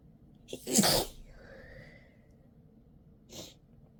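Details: Single loud sneeze after a sharp intake, then a brief sniff; deliberately induced to relieve an itchy, tickly nose during a cold the person believes stress brought on.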